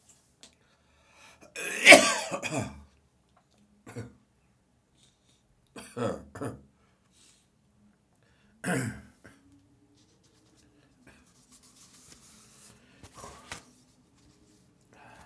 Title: Morning Coughing, Gagging, Spitting and Nose Blowing